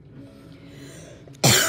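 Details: A single sharp adult cough breaks a quiet room near the end, cut off as it starts; the owner coughs.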